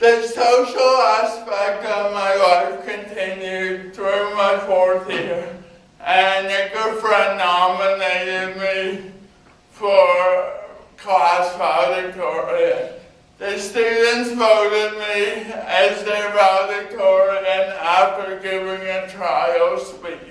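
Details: Adult man with cerebral palsy giving a talk about his own life; dysarthria (cerebral palsy).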